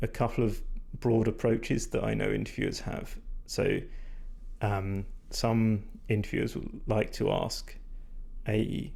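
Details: Vocal fatigue in a male speaker, which he attributes to talking a lot without drinking enough; he says his voice is degraded, stressed and not at its peak condition.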